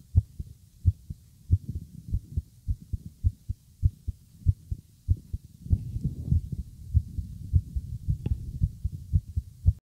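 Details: Adult man's heart heard with an ear on his chest while he was nervous: strong, rapid, regular thumps at about 105 beats a minute, a fast but steady heartbeat (tachycardia).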